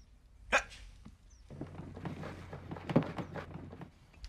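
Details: Acted drama: adult man with Tourette syndrome making involuntary noises in conversation; vocal tic (Tourette syndrome).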